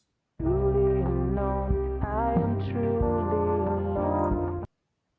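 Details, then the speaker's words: Song with singing and brass-like backing processed with hearing loss simulation, sounding muffled and dull, as in a lyric-intelligibility listening test for the ICASSP Lyric Prediction Challenge baselines. "That all sounds a bit muffled and terrible because it's got hearing loss simulation on it."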